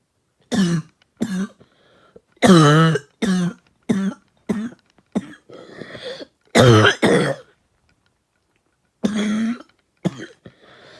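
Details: Light coughing after trying out a new bong: about a dozen short, voiced coughs and throat clears in irregular clusters, an irritant cough after smoke inhalation.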